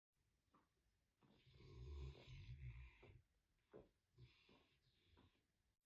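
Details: Snoring from a sleeping, very tired American Bully dog: loud, rattling low snores, with a long noisy breath followed by shorter snorts.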